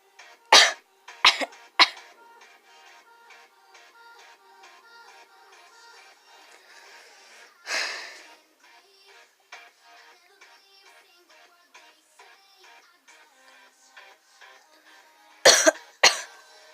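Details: A child coughing while sick: several short, sharp coughs in small clusters, with TV music playing in the background.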